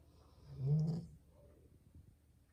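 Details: Single low, rumbling snore from a sleeping Labrador Retriever; ordinary snoring.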